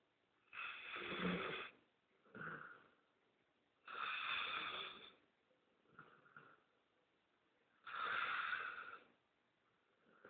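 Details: Bull mastiff/shar-pei cross dog snoring: raspy, slightly whistling snores on each in-breath with soft out-breaths, about 15 breaths a minute.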